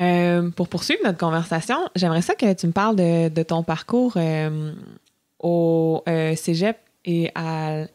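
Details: Adult speaker; no speech disorder.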